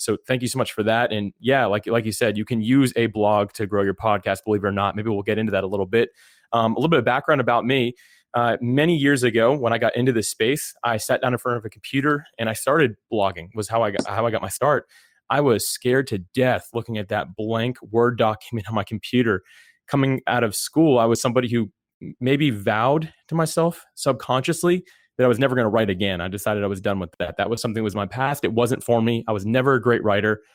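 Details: Adult man speaking; typical speech.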